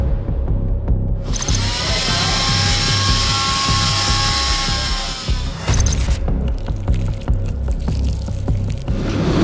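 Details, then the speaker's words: Loud whining power saw with grinding and rattling over heavy low rumble, sawing open the skull during a real forensic autopsy in a hospital autopsy room. "เดี๋ยวก็จะมีการเลื่อยเปิดกระโหลกศีรษะอีออกห่างเดี๋ยวเขาจะเลื่อยสมองอ๋อเดี๋ยวจะเลื่อยมันจะ"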